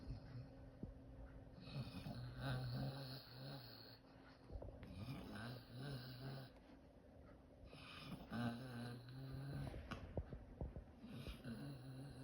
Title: Cooper the Dog Snoring and Dreaming